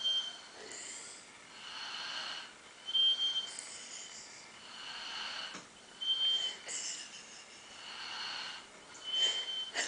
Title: Snoring